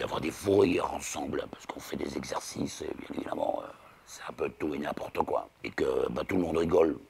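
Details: 59-year-old man with alaryngeal speech after laryngectomy for laryngeal cancer, relearned after 3 weeks of rehabilitation with physiotherapists, now in speech therapy on intonation; he reports he can no longer laugh aloud.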